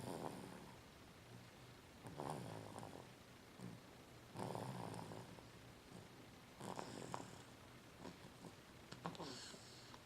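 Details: Irregular rattling snores about every two seconds, some with snorting bursts, over a hissing background, recorded 19 October 2009: snoring.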